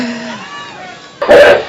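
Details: Adult woman's repeated coughing fit before a speech at a Cleveland event, described as much worse than before: cough.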